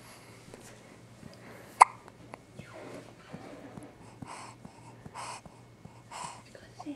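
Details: Baby girl getting hiccups while her father burps her, as she always does; infant hiccups.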